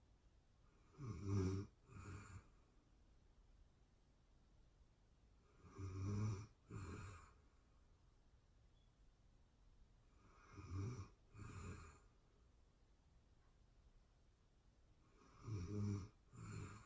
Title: ASMR sleeping beauty snoring sounds real time sleeping anxiety relief